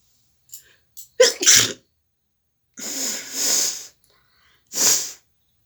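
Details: Sneezing and nose blowing: sharp indrawn breaths, an explosive sneeze, then two hissing nose blows.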